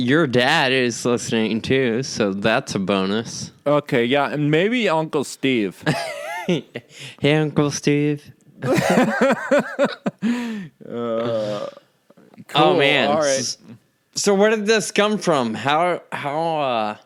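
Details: Adult man with Friedreich's ataxia diagnosed at age 25; the condition causes slurred speech that sounds drunk though he is not; ataxic dysarthria.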